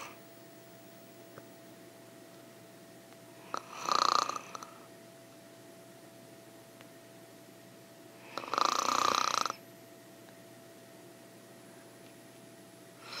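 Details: A woman snoring in light sleep, recorded as an ASMR sleep track: soft, hissing snore-breaths with deep breathing roughly every four to five seconds, over a steady faint hum.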